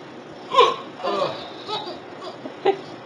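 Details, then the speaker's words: An adult father's hiccups: several short, abrupt voiced bursts at irregular intervals while his child laughs, with faint background chatter. "It's all funny when Daddy has the hiccups."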